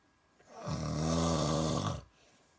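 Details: Ernie snoring at night: one long, low, rattling snore on an in-breath lasting about a second and a half.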